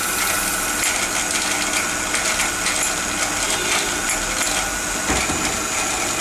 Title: Removal of failed root canal treated tooth and immediate implant placement